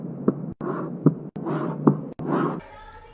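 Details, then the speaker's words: Aortic regurgitation murmur, an early diastolic decrescendo, high-pitched, soft blowing murmur after each beat, heart rate about 74 a minute, presented in a teaching demonstration of heart murmurs. "this is early diastolic dendo and high PR murmur of Artic regeration"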